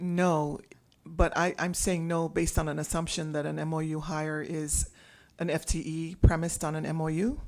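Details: Adult speaker; ordinary speech.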